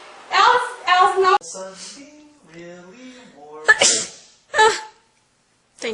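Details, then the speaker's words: A woman says she has allergies that have been going crazy since this morning; drawn-out voiced intake then sharp, forceful bursts of air: an ordinary sneeze. "I'm so sorry my allergies have been going crazy since this morning"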